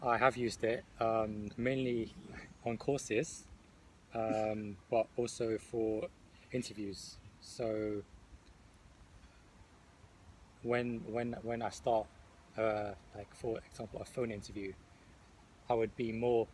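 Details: Participant in a stuttering self-help group who describes using deliberate disfluency, stammering on purpose, on courses and in interviews; stuttering.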